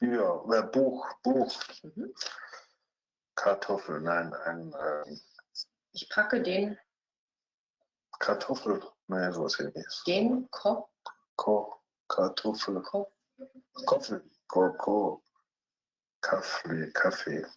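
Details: Fluent Wernicke-type aphasia in a 49-year-old man speaking German, two days after sudden onset from left internal carotid artery dissection; posterior superior temporal lesion including Wernicke's area; phonemic and semantic paraphasias, impaired repetition, naming and comprehension.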